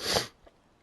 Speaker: if you heard me sneeze. I'm I'm very sorry you had to hear that.